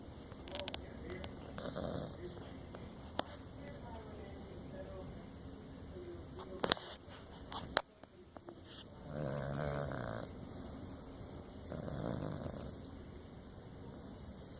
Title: Little Dog Snores SUPER Loud!!!!